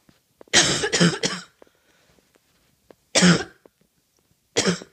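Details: A little coughing fit: a quick run of three harsh coughs, then two more single coughs after short pauses.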